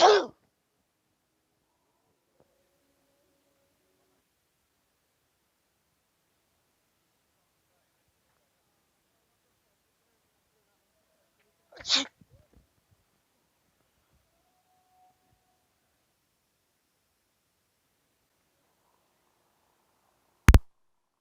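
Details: Sneezing prank on people: two brief explosive sneezes, with a sharp inhaled catch before the second, otherwise near silence.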